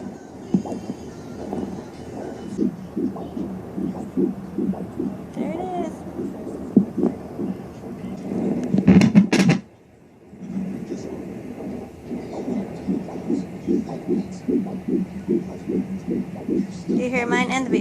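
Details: Fetal heartbeat at 13 weeks on a home fetal Doppler: rapid, regular whooshing beats at about 147 a minute, rising up to 165, with static and a brief dropout.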